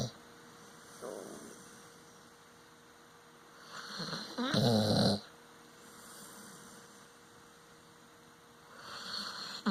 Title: Moxie Dog Snoring.